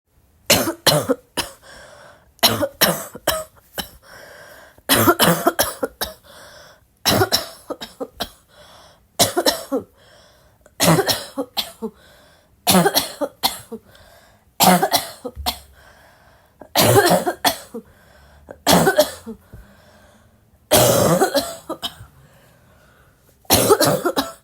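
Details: Non-stop coughing: an adult coughs in short, repeated bouts, one every couple of seconds, with barely any pause between.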